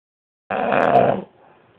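A single loud, rough, rattling snore lasting under a second, then quiet.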